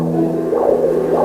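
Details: Doppler probe placed over a student's heart, picking up heartbeat and valve movement sounds.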